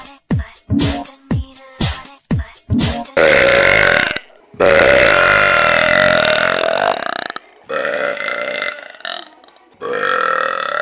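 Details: Repeated deliberate burping: a run of short, rhythmic croaks, then long, loud, drawn-out belches, with music in the background.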